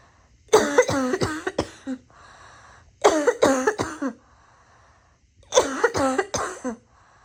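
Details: Three bouts of three to four rapid, harsh, voiced coughs, about eleven in all, with quiet breaths between bouts: repeated coughing fits in someone tired of coughing.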